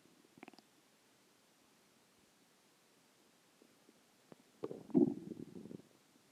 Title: stomach growling 2